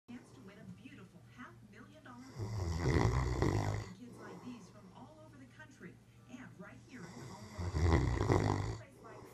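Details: Snoring: two loud, rough inward snores about five seconds apart, with quieter breathing and background noise between them.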